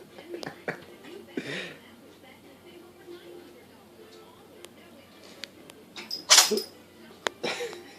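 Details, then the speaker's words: Cat named Buttons sneezing: a sharp, hissing sneeze burst near the end, then a smaller sneeze-like puff, over quiet room noise. "I call this the sneezing cat video."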